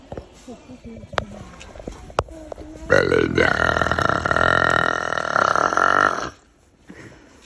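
A long, loud, voiced belch lasting about three seconds, after some brief talk. Burping.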